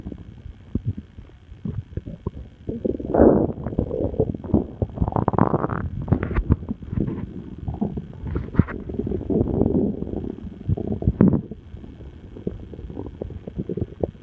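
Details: Person's own stomach noises: loud, frequent gurgling and rumbling bowel sounds in irregular bursts, ordinary borborygmi.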